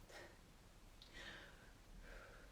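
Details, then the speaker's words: Pet dog snoring in the room during a guided sophrology meditation: quiet, rhythmic snoring breaths in a still room. "Si vous entendez quelqu'un qui ronfle, c'est mon chien, ne vous inquiétez pas."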